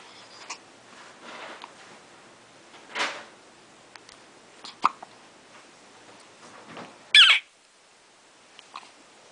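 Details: 5-day-old newborn baby with hiccups: several short, sharp gulping clicks spaced irregularly over about nine seconds in a quiet room; hiccups.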